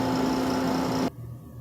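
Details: Caire Companion 5 stationary home oxygen concentrator being turned off: loud steady motor hum and whirring drone that cuts off abruptly; concentrator running, then stopping.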